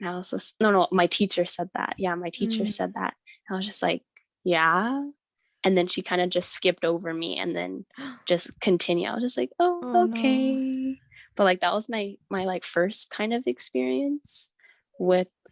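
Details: Teenage girl who stutters and attends speech therapy: stuttering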